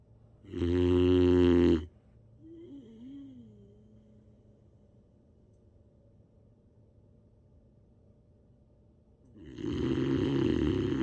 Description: Listen to Baron the Boxer Dog snoring like a champ! Super sleepy boxer puppy is a loud snorer.